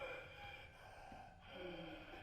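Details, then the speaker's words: Male patient with laryngeal cancer, a large mass on the left side of the larynx leaving a slit airway, breathing with a harsh, high-pitched whistling noise: stridor, a sign of impending airway obstruction; he later needed a tracheostomy and laryngectomy. "effectively a straw so that that noise is called stridor and Strider is the kind of noise that we as ENT surgeons walk towards risky because he's going to run into problem in his Airway quite soon"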